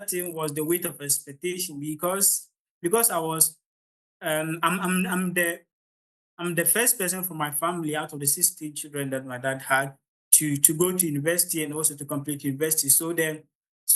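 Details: Adult man from Ghana who stammers, introducing himself at the start of a public talk, which he says was quite difficult, with word and part-word repetitions; stuttering.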